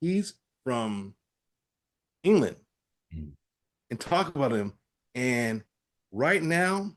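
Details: Adult man with aphasia after a stroke, in recovery with therapy-app practice; aphasia.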